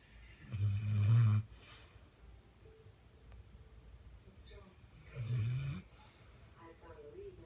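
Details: Catahoula Leopard dog snoring: two deep, rattling low snores a few seconds apart, with quiet breathing between them.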